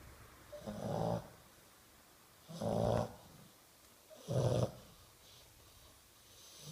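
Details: Sleeping Bulldog snoring: three rough, snorting snores, roughly 35 breaths a minute, noisy breathing typical of flat-faced breeds.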